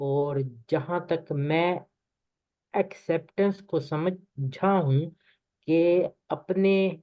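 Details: 24-year-old man who stammers, self-rated medium severity, speaking Hindi with part-word repetitions; stuttering.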